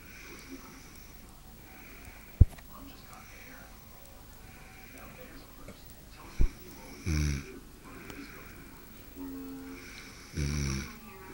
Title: SNORING MOM!!!